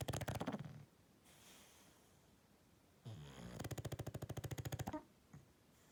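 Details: Sleeping English bulldog snoring: loud, fluttering, rattling snores on each in-breath with quieter breathing between; two snores in about six seconds.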